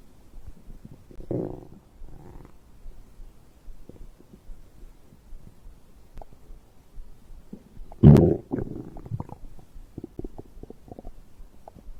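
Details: Low gurgling rumbles with one louder bubbling surge and many small pops; borborygmi, normal digestive stomach growl recorded after drinking a beverage.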